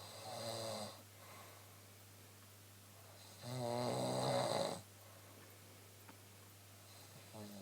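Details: Adult woman snoring at night (about 1:15 am): loud, rattling snores on each breath in, about three in seven seconds, over a steady low hum.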